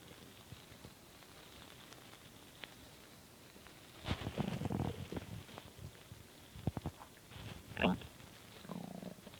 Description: anyways this is just a huge bowl of cereal digesting X3 always seems to make my stomach gurgle haha :p